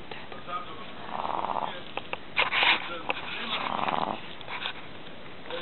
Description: Mops / Pug (4 months old) snoring while sleeping :)